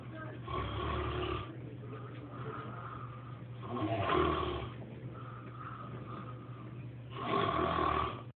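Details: Loud rattling snores at regular intervals, about three in eight seconds, from an adult man who has sleepwalked for years, recorded by phone while he was sleepwalking and dancing; real, not staged; snoring.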